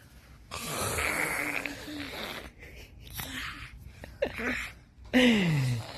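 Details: Person playfully imitating snoring with exaggerated throaty snorts and gurgling sounds, household voices in the background; not real snoring.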